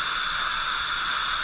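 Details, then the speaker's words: Steady high-pitched whine and hiss of a high-speed dental handpiece with a 330 carbide bur notching through an old PFM crown on upper right first molar (tooth #3) to section and remove it. "Next, we're going to switch to our carbide, our 330 carbide. We're just going to create a little notch all the way through."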